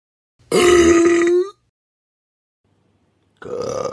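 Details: Burp sound-effect compilation: one long, loud, tonal burp lasting about a second, then the start of another; burping.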